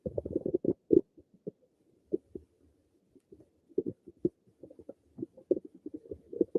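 Irregular bursts of low gurgling and bubbling with short quiet gaps: ordinary stomach rumbling from gas and fluid moving through the gut.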